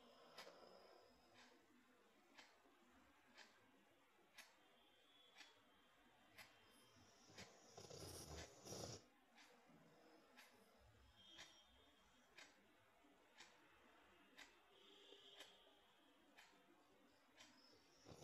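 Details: Sleeping Rottweiler snoring: soft rhythmic breathing noise with regular faint clicks and a louder snort midway; snores described as loud and clear as a human's.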